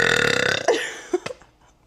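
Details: Female, one long, loud, rattling burp that fades out, followed by a couple of short soft sounds; burping.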